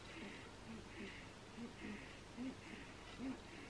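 A sleeping newborn makes faint, rhythmic snuffling snores over a hissy room background.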